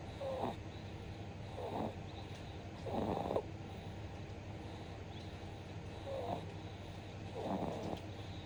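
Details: Soft, rattly snoring on the breaths of a 2-month-old infant, five in the stretch, over a low steady hum; infant snoring.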